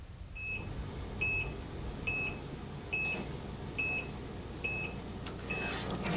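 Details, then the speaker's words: Staged intensive care unit scene: regular electronic patient monitor beeps, about 70 a minute, over room noise; routine monitor alerts a nurse listens to. "one nurse for example is listening to Beeps and monitors and her span of control her total concern is probably one"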